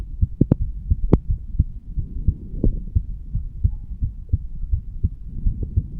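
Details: Heartbeat of a 35-year-old standing male, recorded over the mitral (bicuspid) valve area: normal heart sounds.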